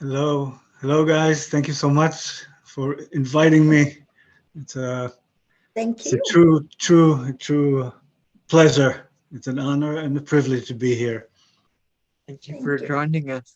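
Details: Aphasia after a stroke about 11 years earlier in a 62-year-old man; English and Hebrew retained in broken form, other languages lost.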